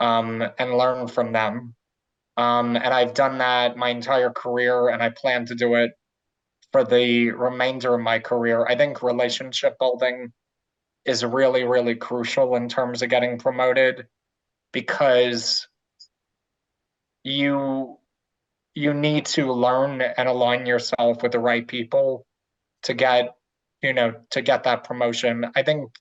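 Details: Adult man who identifies as a person who stutters, with word and phrase repetitions and filler words; stuttering.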